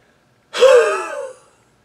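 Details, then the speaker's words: Imitated expiratory wheeze: adult exhales as hard as possible in one forced breath with a faint whistling tone, demonstrating collapsing narrowed bronchioles before showing pursed-lip breathing as CPAP. "let me show you how i can create my own cpap and stop my whistling or am i wheezing i'm going to exhale as hard as i can"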